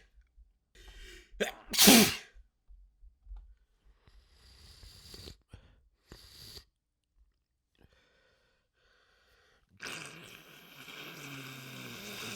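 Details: One loud, explosive sneeze after a sharp inhale during a sneeze fit, then quiet wet sniffles and a longer nose-blow.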